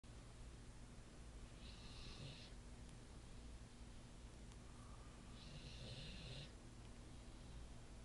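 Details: Olde English Bulldogge sleeping on his favorite couch, recorded on an iPhone; quiet, rough snoring breaths with soft rasping on each inhalation against a low room hum, about two breaths in eight seconds.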